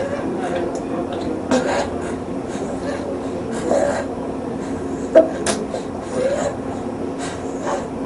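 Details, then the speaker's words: Child with cough or difficult breathing, heard with the ear near the mouth or by stethoscope: a steady, high, musical tone as the child breathes out; expiratory wheeze from narrowed airways. "The we sound is often described as a musical sound made as the child breathes out."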